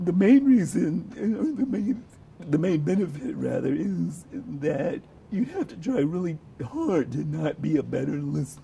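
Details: Adult man with abductor spasmodic dysphonia; voice breaks began about 14–15 years earlier. He has been treated mostly with Botox injections, with hit-or-miss results, and his voice varies day to day; abductor spasmodic dysphonia.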